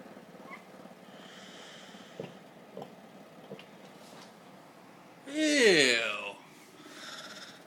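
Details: Cat vomiting: quiet clicking and wet gulping sounds, then a loud strained retching heave with voiced gagging as she brings up vomit.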